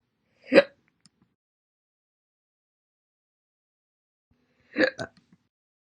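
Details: Two abrupt, short throat jolts about four seconds apart, the second with a small follow-on catch: hiccups.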